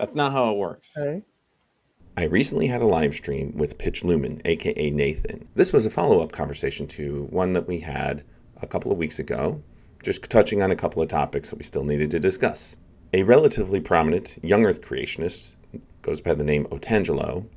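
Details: Adult male speaker; normal speech.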